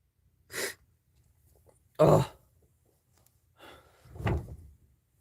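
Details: K-pop singer sneezing: several short, forceful bursts with breathy intakes between them, a run of sneezes.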